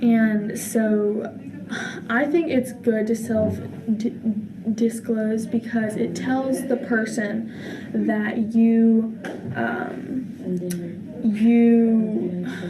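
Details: Stuttering in a girl, who describes it as holding a word for a few seconds or repeating a word a couple of times.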